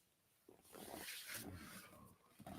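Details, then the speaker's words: Female dog snoring very loudly in the room: a loud, rough, rattling snore drawn through the nose and throat, with a second breath beginning at the end; faint room noise; snoring. "And my dog is snoring so loud. I wonder if you guys can hear that or not, but she's like, like way, way loud."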